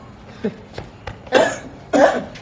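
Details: Two forceful, harsh acted cough bursts after a few faint clicks, a person pretending to choke on a biscuit; simulated choking cough.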